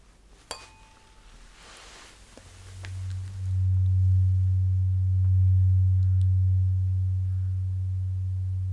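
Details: Simulated ASMR role-play hearing test: a struck tuning fork is placed on the bone behind the ear and rings with a steady low hum that slowly fades while the listener reports when it stops.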